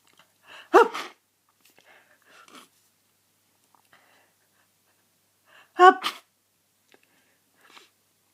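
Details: Person near the end of a cold having a sneezing fit: two sharp, explosive sneezes about five seconds apart, each preceded by a quick intake of breath.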